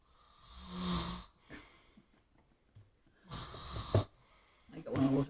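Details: Adult man (uncle) snoring: irregular noisy snoring breaths with snorting and rattling, separated by quiet pauses; loud snoring.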